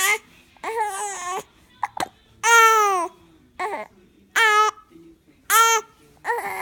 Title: hiccup frustration 😞